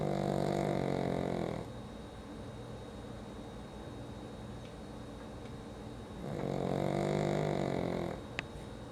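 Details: Pug, a flat-faced dog: two long, loud, buzzing, rattly snores several seconds apart, with a quieter stretch between; loud snoring.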